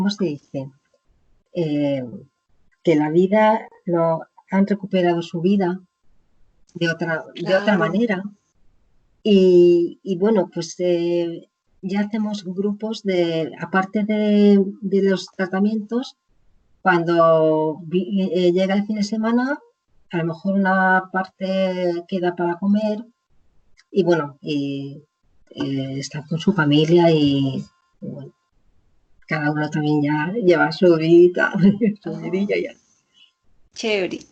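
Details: Woman with aphasia after a stroke; initially could not speak at all, slowly recovered words through speech therapy, still speaks more slowly with more errors; aphasia.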